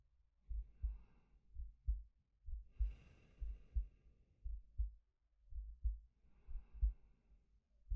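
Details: Soft regular low heart thumps, about 60 a minute, with slow breaths in and out from a male, close-miked ASMR sleep-aid recording; normal heartbeat with breathing.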